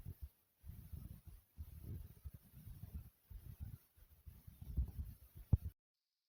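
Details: Soft, rapid, low thumping heartbeat from the recordist's own heart after doing various exercises: a normal quickened rhythm, fast heartbeat after exercise.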